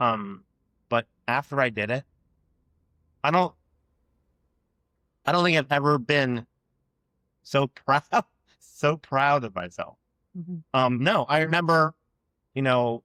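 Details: Adult man who has stuttered since childhood and had years of speech therapy aimed at fluency; real, spontaneous conversational speech with stuttering.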